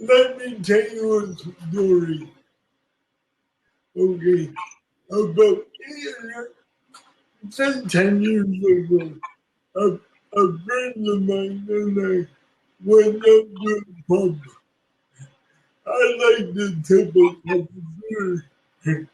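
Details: Woman with cerebral palsy; dysarthria (cerebral palsy).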